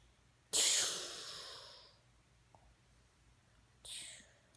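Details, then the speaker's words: Two loud hissing breaths, the first long and fading, in a quiet room while someone naps and is being woken; noisy breathing described as snoring. "Oh, are you snoring? Huh? Why are you snoring?"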